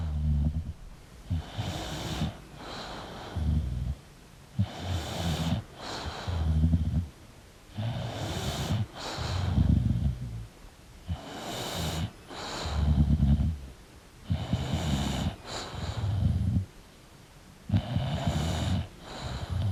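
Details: Sleeping English Bulldog: loud snorting, rattling snores with each breath, roughly 19 breaths a minute; heavy snoring.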